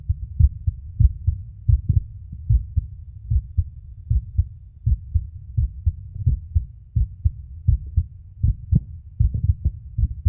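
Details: A male records his own heart with a phone microphone at the auscultation sites: steady, regular lub-dub pairs at about 80 per minute with a faint low hum behind; normal heart sounds.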